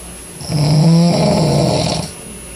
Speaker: and that's how he snores every single night I have to live with this guy but he's cool but this is how he sleeps and he snores that loud every night